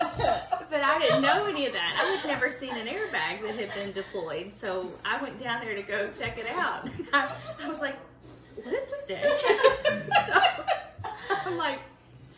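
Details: Adult woman; typical speech.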